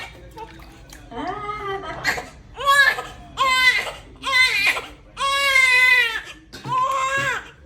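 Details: Newborn's first bath: repeated strong, high-pitched wailing cries with short breaths between, over faint splashing water. Baby's whole body looks reddish and caregivers suspect the baby detergent used on clothes. A vigorous newborn cry.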